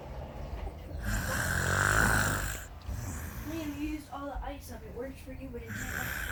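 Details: A woman snoring: loud rough snore on an inward breath, then some voiced sounds with room noise; snoring.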